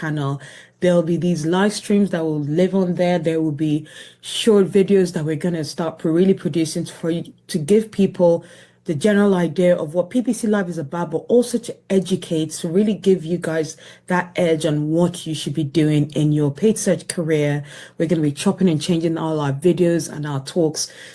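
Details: Adult speaker; Normal speech.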